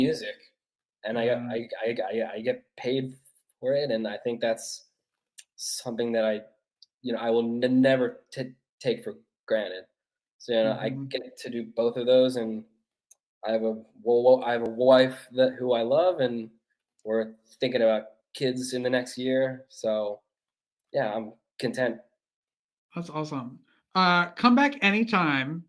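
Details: Stuttering in an adult male author who has stuttered since childhood, which he calls a speech impediment.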